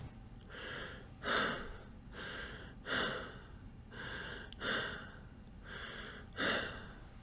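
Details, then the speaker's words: Imitated Kussmaul breathing: deep, rapid, regular breaths of about 33 a minute, each with a forceful airy exhale. This hyperventilation pattern is linked to acidemia. "it is a type of hyperventilation characterized by both deep and Rapid respirations and it sounds something like this"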